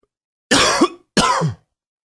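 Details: Cough: two short, harsh coughs about half a second apart, each a noisy burst ending in a brief throaty voiced tail.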